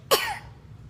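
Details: A single short, sharp cough from a child who says he is still coughing and wants a cough drop, while another person doubts he is really coughing. It has an abrupt start and fades into quiet room noise.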